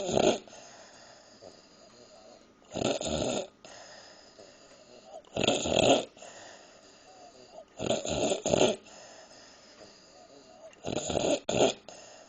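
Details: Woman who fell asleep while eating a midnight snack: harsh, hissing, snorting snores, some in double bursts, uneven rhythm roughly 20 a minute; noisy snoring.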